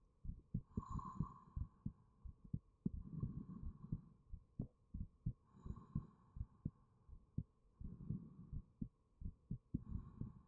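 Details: Own heartbeat recorded with 3Dio binaural microphone: steady soft paired thumps at about 85 beats a minute over a faint hum; normal resting heartbeat.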